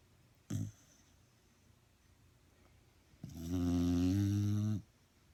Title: Fat dachshund snores....until she burps